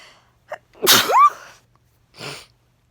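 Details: A short intake of breath, then an explosive voiced burst with a rising squeal and soft breath after: a single allergy sneeze.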